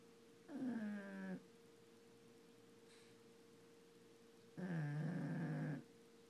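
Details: A pug snoring like a human: two long, low rattling, groaning breath sounds about four seconds apart over a steady background hum.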